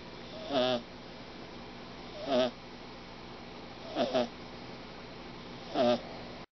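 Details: A sleeping male kitten gives four loud, pitched snores, about 34 a minute, over a steady background hiss, a surprisingly loud snore for such a small kitten: snoring.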